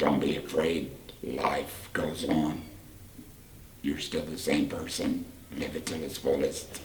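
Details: 38-year-old man after total laryngectomy for cancer, speaking with a Provox voice prosthesis; tracheoesophageal speech.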